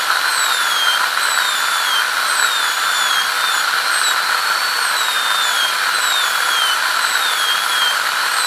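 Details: ADC practical exam demo of an FGC preparation on tooth 36: a continuous high-pitched whine of a high-speed dental handpiece, pitch dipping and recovering repeatedly as it cuts the tooth.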